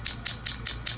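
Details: Rapid, regular mechanical ticking pulses, about five per second, from a low-level shockwave therapy applicator on a right ankle partial tendon tear, frequency being increased near the end of the session.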